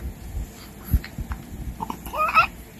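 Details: Six-week-old boy diagnosed with moderate laryngomalacia makes brief squeaky, crowing inspiratory stridor between gulps while breastfeeding or bottle-feeding, with choking or gasping-like episodes on swallowing.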